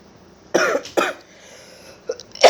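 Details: Person recording their own cough during a COVID-19 illness, described as bad: two harsh coughs, then a smaller cough and a further burst at the end.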